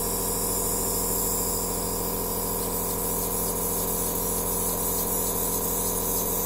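Continuous rapid buzzing hum with a hiss of air; a nebulizer machine running steadily.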